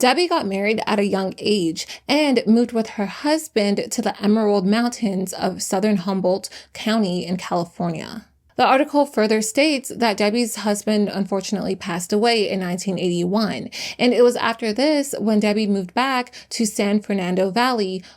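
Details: Adult female narrator; normal speech.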